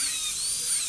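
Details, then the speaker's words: Lab practice of a T-shaped cavity preparation on the root surface of an ivory training tooth: continuous piercing high-pitched whine with wavering pitch as the high-speed dental handpiece cuts; high-speed dental handpiece drilling. "always go inside while you're dribbling and come out while you're also drilling don't stop inside the cavity try to keep your hands stable and steady"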